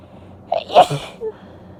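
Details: Big wet sneeze, probably from a female sneezer: a short in-breath, then one loud wet burst with a brief trailing sound.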